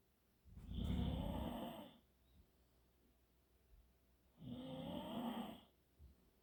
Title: one dog growling, another snoring!!